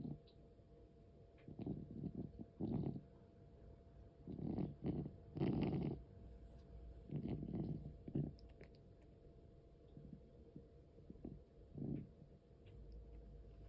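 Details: Cat aged 13 years 4 months with asthma: irregular, noisy, rumbling breaths at about 22 a minute with low harsh airway noise. This breathing also occurs during sleep and sometimes stops.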